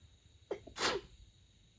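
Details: Stifled sneeze in the middle of the night, covered with a light blanket: short intake of breath, then one hissing sneeze held back to keep quiet.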